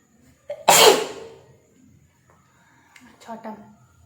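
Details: One loud explosive sneeze with a brief lead-in breath, followed by quiet talk in a small room, during a sneezing and nose-blowing challenge using a matchstick; sneeze.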